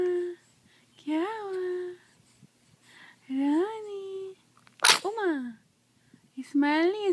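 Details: Young girl, with rising babbling vocal sounds, then one sharp, explosive sneeze with a quick vocal release, followed by smiling.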